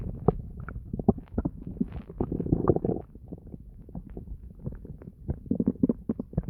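Continuous gurgling with bursts of deep, low growls and bubbling pops: active bowel sounds, ordinary stomach rumbling.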